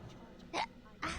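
Two abrupt voiced hiccups about half a second apart, each a sharp catch in the throat.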